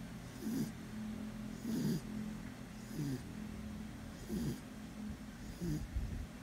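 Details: Sleeping dog, a guard dog off duty, gives rhythmic low rattling snores with a breathy hiss, about five in six seconds, over faint room noise: snoring.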